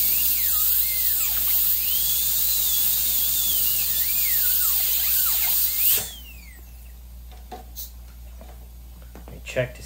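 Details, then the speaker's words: High-speed dental drill accessing the nerve chamber for a root canal through the worn tip of a human canine tooth: high-pitched whine rising and dipping as the bur cuts, then stopping, leaving quiet room noise and small clicks. "he first step is to get into the nerve space so for the access I'm just going to use a drill bit a high speed drill"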